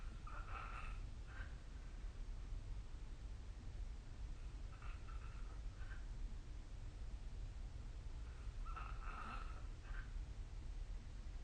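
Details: Rhythmic rough snoring breaths recurring every few seconds during sleep over a steady low background hum.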